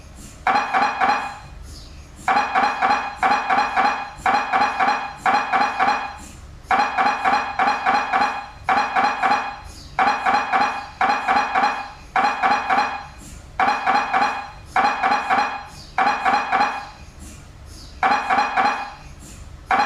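Loud, rapid mechanical knocking in repeated bursts with brief pauses, typical of MRI scanner gradient noise during imaging.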